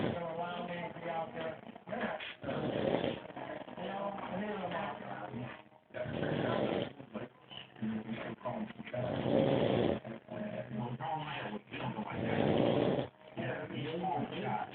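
Loud, coarse, rumbling snores with brief quiet gaps, roughly twenty breaths a minute; heavy snoring.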